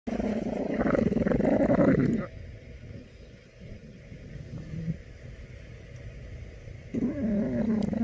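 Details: Someone called "little man" snoring while asleep and dreaming; snoring.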